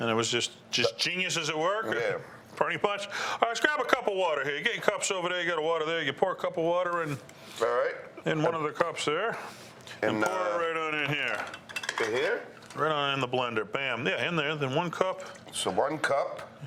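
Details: Adult men talking in a kitchen; ordinary conversational speech.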